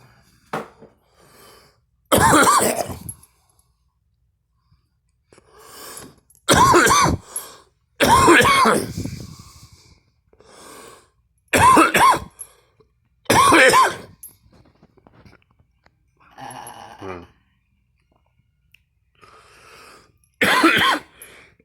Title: me coughing and gagging